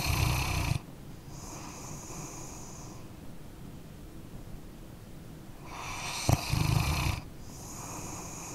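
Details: Dog snoring while asleep: slow, rhythmic snores, a low rumble on each in-breath and a softer whistling note on each out-breath; ordinary snoring.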